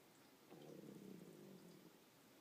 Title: Stomach growling